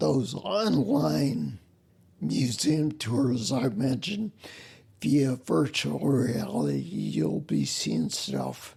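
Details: Ataxic dysarthria in a male with spinocerebellar ataxia, a rare neuromuscular disease, also with mobility and balance problems; slurring began while working, sounds drunk, and makes phone conversations difficult.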